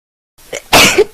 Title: Funny Sneeze Boys vs Girls